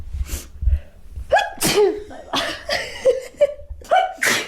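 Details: Sneezing fit possibly triggered by flowers: several loud, sharp sneezes in quick succession, each with a brief in-breath, with snorting, laughter and voices nearby.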